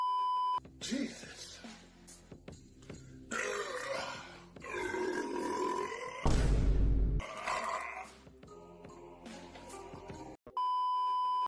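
Long, deep, rumbling belches one after another, mixed with music and tones in an edited meme clip.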